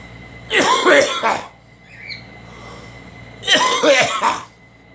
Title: Me coughing